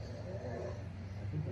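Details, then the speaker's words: Continuous low, rough, rattling breathing from a child with rare-type Hunter syndrome and breathing issues, off the ventilator during transfer from tilt table to wheelchair; noisy raspy breathing. "When you transfer him cuz he's not on the vent at the time you transfer him, you can really hear the the raspiness of his breathing."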